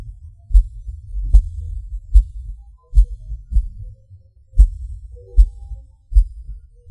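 Low heart thumps at about 75 a minute with uneven spacing, pauses and early beats; an irregular rhythm from premature contractions.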